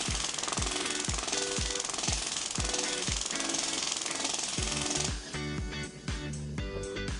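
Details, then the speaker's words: Acoustic wave (shockwave) therapy device used as a painless pre-op treatment two days before biopolymer foreign-body removal, to soften the material; rapid, loud mechanical thumping at about two per second with a soft tonal hum underneath. "I'm about to do the acoustic wave treatment. It's completely painless and it breaks up the foreign body to make it soft and easier to extract."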